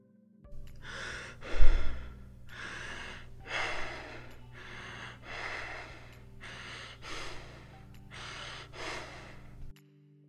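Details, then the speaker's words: Kussmaul breathing: deep, loud, rapid breaths of maximal inhalation and exhalation in steady succession over a low background hum. This is the pattern of acidosis, such as diabetic ketoacidosis, which washes out carbon dioxide. "So it's basically rapid succession of maximum inhalation and maximum exhalation. This is very effective in eliminating carbon dioxide. And here's how it sounds like."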